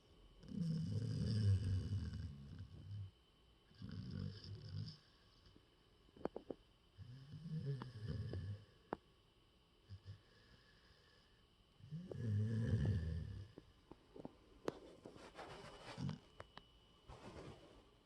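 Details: Animal lying asleep in a person's lap: loud rattling snores on each breath, about five over eighteen seconds, with faint clicks and rustles between; snoring.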